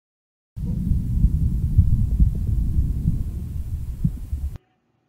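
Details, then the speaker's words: Stethoscope recording from the heart region of a human subject during robotic heart and lung auscultation research. A muffled low rumble where breathing sounds obscure the heart sounds, leaving no clear beats. "here the heart sounds are obfuscated by breathing sounds"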